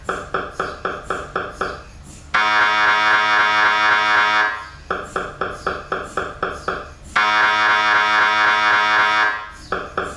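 Loud rapid mechanical knocking, about four a second, alternating with a steady harsh buzzing drone: typical MRI scanner noise, a normal machine sound.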